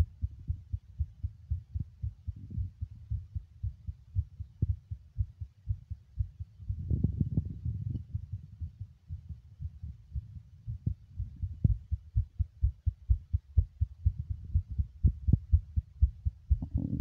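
Muffled low thumps, fast and somewhat uneven at roughly 120 a minute, with rustling noise over them; a rapid heartbeat.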